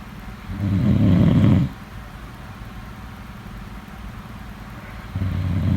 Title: #snoring #snoringsleepingsoundeffect #sleepsounds #snoringsounds #snoringasmr